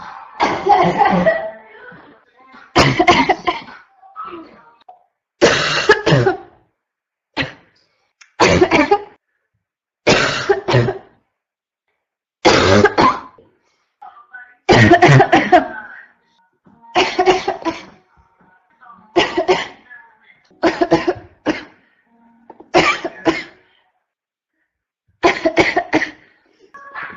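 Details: Adult woman with constant barking cough: about a dozen harsh, barking bursts in under half a minute.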